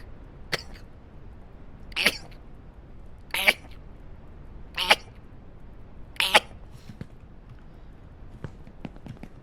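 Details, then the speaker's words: Male Twitch streamer with allergies sneezing rapidly while talking: five sharp sneezes in quick succession, about every one and a half seconds, each with a brief intake before it, in a quiet room. "sorry sometimes I sneeze when I talk too much [ __ ] you know sometimes I'm it's hard l literally choking on my own words legit"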